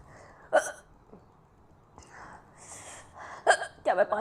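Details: A girl hiccups: abrupt, sharp voiced catches break through quiet breathing, about four in four seconds, some with a brief vocal tail: repeated hiccups.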